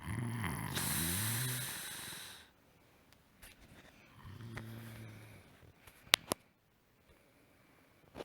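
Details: Snoring: two rough, rattling snores with a pause between, followed by a couple of sharp clicks and quiet room noise.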